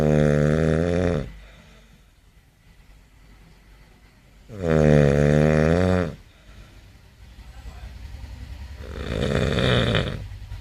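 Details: Sleeping man snoring very loudly: deep, rattling snores on each in-breath, softer breathing between, roughly every four to five seconds.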